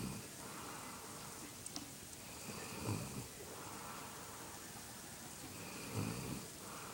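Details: A sleeping pet dog gives low rumbling snores about every three seconds over a steady background hiss; snoring.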